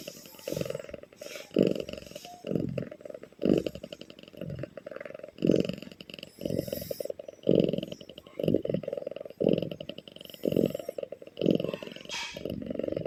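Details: Sleeping cat snoring heavily: loud, rough, rattling breath noise repeating about once a second.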